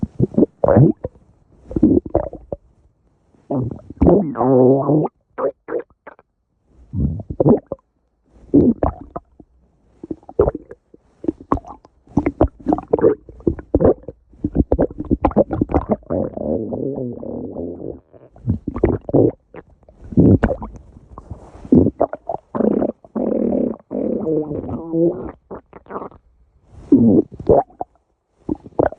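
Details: A person's stomach growling, or borborygmi: irregular gurgling, rumbling and squeaky bursts from the gut.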